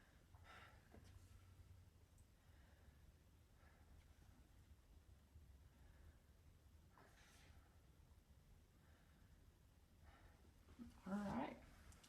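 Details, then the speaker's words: Nursing chest and lung assessment of a female patient lying on a couch: soft, quiet deep breaths through a stethoscope, no crackles or wheeze, judged good lungs; normal breath sounds. "And again, all that sounds good. So, she's got some good lungs."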